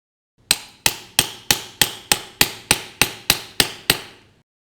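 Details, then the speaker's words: Total knee arthroplasty with mechanical alignment for knee osteoarthritis: eleven sharp evenly spaced mallet blows, about three a second, seating the cemented femoral component with calm, not excessive force. "now the femur make sure to pressurize the cement then install the femoral component and use the pin holes as guidance excessive force is not necessary"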